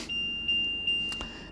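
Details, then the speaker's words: Repeated high-pitched electronic alarm tones, about three in a second and a half, from a Leoni plus neonatal ventilator in SIPPV mode with 6.5 mL tidal volume guarantee, silenced by the auto-set function. "we can see in the system moment we have some alarms let me do the auto set function so now we have a calm again"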